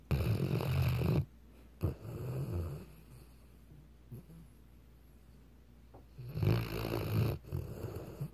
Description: Weimaraner's can do some serious snoring.